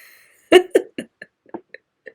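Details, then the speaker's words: Adult woman, who links her frequent involuntary burping to acid reflux, gives a short burp followed by a few fainter throaty clicks and gulps in a quiet room; belching. "and I don't be editing stuff out so y'all just G to have to hear these burps but I'm not doing it on purpose just know I'm not doing it on purpose"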